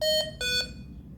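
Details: Two short electronic tones, the second lower, in a quiet room: a Hamilton T1 ventilator alarm after its self-test flagged a wrong exhalation valve (neonatal circuit and valve), while switching to neonatal mode.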